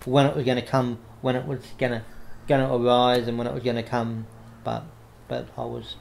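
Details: Adult man with cerebral palsy affecting the right arm and leg, diagnosed after severe meningitis in infancy; he reports a mild stutter he manages by calming down; audible word and phrase repetitions; stuttering.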